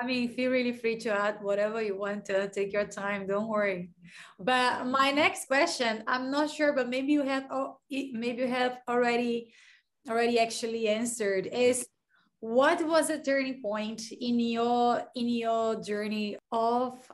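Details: Adult female speaker; typical speech.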